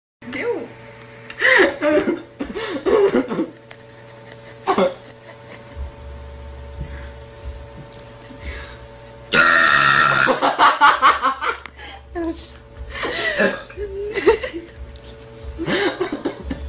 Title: Tiny Girls Burps Like A Monster